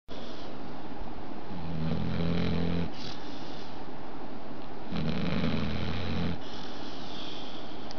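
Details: Sleeping pit bull dog gives two long, low, rumbling snores over steady background hiss; ordinary snoring.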